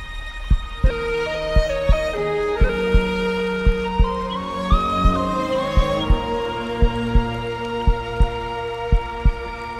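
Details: Steady paired low lub-dub thumps near 55 a minute beneath calm epic music; a heartbeat sound effect.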